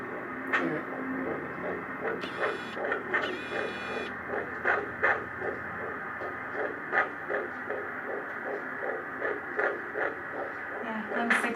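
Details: Fast, rhythmic whooshing pulses through Doppler static with a few louder bumps from fetal kicks, heard on a handheld Doppler at a 15-week midwife checkup, third pregnancy, baby boy; normal fetal heartbeat.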